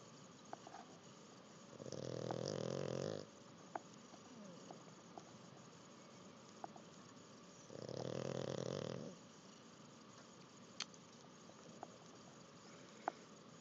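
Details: Two long, buzzing snores about six seconds apart, with quiet breathing and small clicks between; a sleeping pug snoring after learning to swim.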